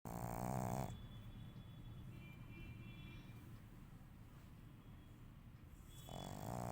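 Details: Black pug snoring in sleep: continuous low rattling, fluttering breath noise with louder bursts at the start and end, typical of a flat-faced dog's snore.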